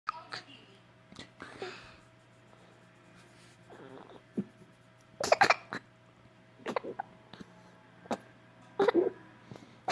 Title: Hiccups are Funny